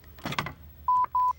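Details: Lifepak CR Plus automated external defibrillator (AED) demonstration: handling noise and a click, then two steady mid-pitched beeps as it switches on.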